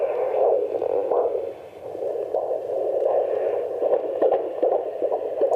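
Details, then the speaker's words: Fetal heartbeat on Doppler in early pregnancy, found by a student midwife at an antenatal clinic. Rapid, rhythmic whooshing pulses at about 150/min are heard over steady Doppler hiss, described as a very clear heartbeat. "Do you know what? That is the most clear heartbeat I've picked up in."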